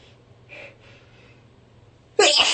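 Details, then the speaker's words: Person in a prolonged sneezing fit with persistent nasal tickle, throat and chest pain, struggling to breathe: faint quick breaths, then a sudden loud sharp sneeze. "Can't breathe. My throat hurts. My chest hurts. The sneezes won't stop."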